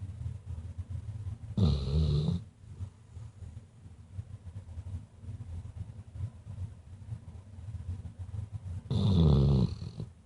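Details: Two loud, low rattling snores about seven seconds apart over quiet room noise from a sleeping Weimaraner dog that briefly opened her eyes then dozed off again; snoring.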